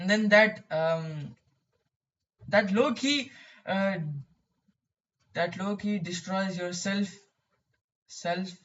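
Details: Male who describes his own stuttering; stuttering.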